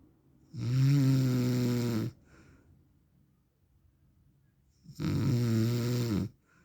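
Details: Adult man (described as husband, also as dad) snoring in sleep: two long, loud, rattling inspiratory snores about three seconds apart with quiet between; heavy snoring.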